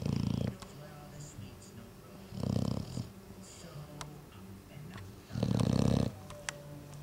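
Loud, low rattling snores in bursts about every three seconds, with quieter breathing between them and faint background noise; ordinary dog snoring.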